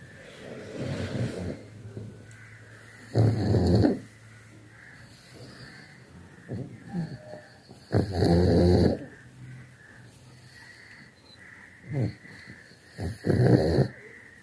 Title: omg stop snoring m disturb to sleep #shortsvideo #funny#foryou